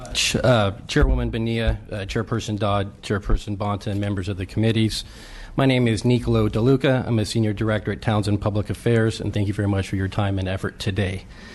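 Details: Adult male speaker; normal speech.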